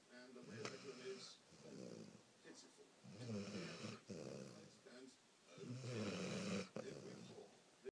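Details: Sleeping female Labrador snores in a steady rhythm, with low rattling snores on each inhalation and softer puffing exhalations.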